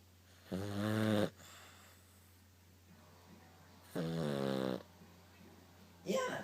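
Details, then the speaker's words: Fiona, a dog, snores with loud, rattling, buzzy noises on each breath, about three over six seconds. "Fiona you're snoring you got to quit snoring"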